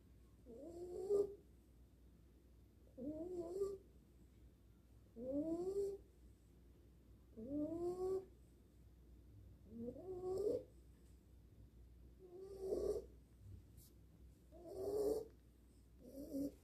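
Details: Sleeping dog snoring in regular, whistling, whiny sounds, about 27 a minute.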